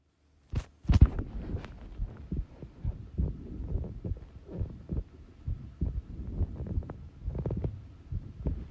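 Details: Slow, regular low thumps with some rustling background: recorded normal heart sounds at rest.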